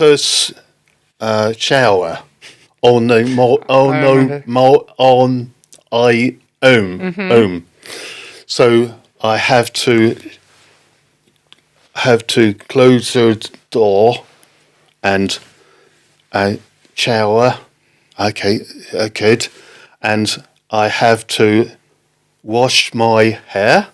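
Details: Man with post-stroke aphasia following a stroke in October 2019; halting speech, non-fluent aphasia.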